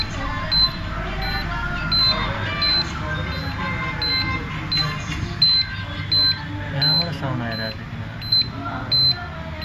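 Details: Carestream CS 2100/CS 2200 dental X-ray unit: short high beeps from the circuit-board buzzer repeat about once a second after the exposure switch is pressed, with no exposure sound; fault traced mainly to a loose power board-to-head connection (J6 connector).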